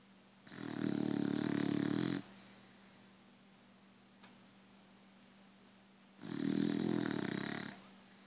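Two long, loud rattling snores about six seconds apart from a sleeping dog, with a steady low hum in the room between them.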